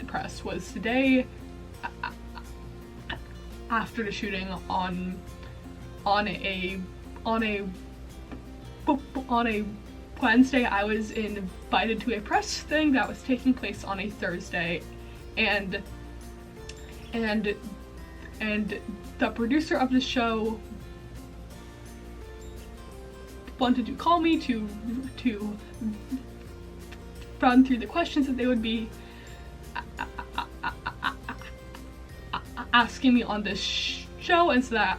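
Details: Female college student with a self-reported stuttering disorder, with repetitions throughout; stuttering.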